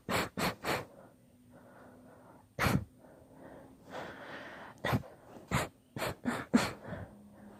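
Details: Long induced sneezing fit: a run of about nine sharp, explosive sneezes, several in quick bursts, with gasping breaths between them.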